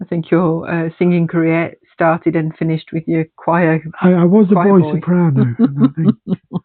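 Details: Adult woman speaking, with an interviewer's question first; typical speech.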